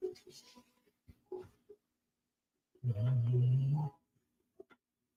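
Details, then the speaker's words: A deep, buzzing snore of about one second from a pet dog, with faint soft sounds around it and a quiet background. "My dog is super snoring right now. So hopefully you like that sound."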